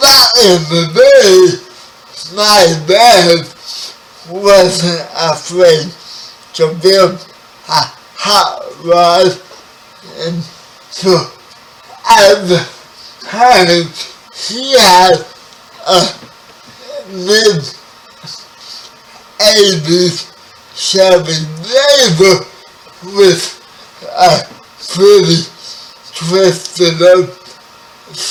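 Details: 30-year-old man with spastic quadriplegic cerebral palsy, born 11 weeks premature; his speech is affected by the condition. Dysarthria.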